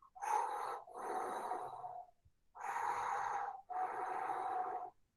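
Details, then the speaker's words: Soft, even breath sounds over two cycles, inspiration and expiration blending smoothly, presented as a patient without respiratory pathology; normal vesicular breath sounds. "eso es como el ruido que vamos a ocultar díaz en un paciente que no tiene patología respiratoria y ese ruido se llama murmullo murmullo vesicular"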